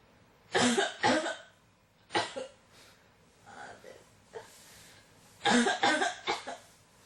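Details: Persistent cough that won't stop: repeated dry, harsh coughs in close clusters, about seven strong bursts in seven seconds with fainter breaths between.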